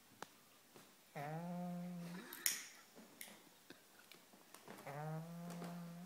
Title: Snoring pug